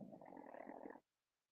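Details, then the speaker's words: Snoring: one wet, gurgling, rattling rumble lasting about a second from a sleeping pug, like a juicy fart, then quiet. "Sounds like a juicy fart, but it's a pug snore."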